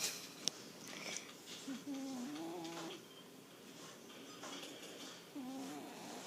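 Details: Sleeping cat gives two drawn-out, squeaky whistling breaths over quiet room noise; a high-pitched nasal snore.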